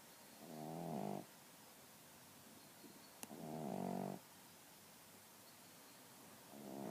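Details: Snoring from a pug, female, that keeps her owner company and snores loudly.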